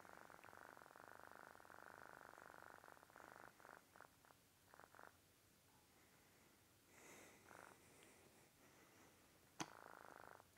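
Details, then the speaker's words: Somnics iNAP intermittent negative air pressure device for obstructive sleep apnea running in the mouth: steady soft motor buzz with pulsed breaks, then faint hiss and click, as suction seals the mouth and pulls the soft palate, uvula and tongue forward. "i turn it on and i have to assist it in suctioning my mouth closed what it's going to do it's going to pull all my soft tissue so my soft palate my uvula in my tongue it's going to pull all of that forward as it sucks the air out of my mouth basically vacuum sealing it"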